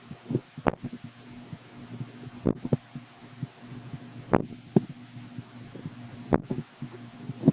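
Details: Baby with hiccups: four sharp, jerky catches spaced about two seconds apart, about 32 a minute, with faint room hum behind.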